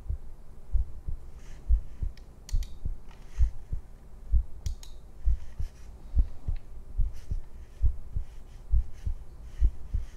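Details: Steady heartbeat with low double thumps at about 67 beats a minute, faint keyboard clicks in the background; ordinary heartbeat.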